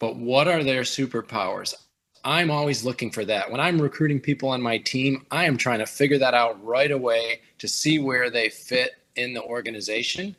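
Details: Adult male speaker; typical speech.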